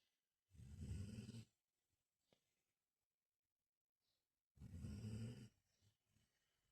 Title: snoring while he sleeps